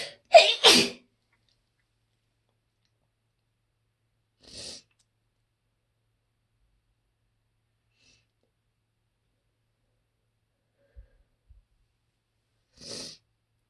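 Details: A sneezing fit while alone on a lunch break: a quick run of two or three sharp sneezes, then two softer sneezes after long silences.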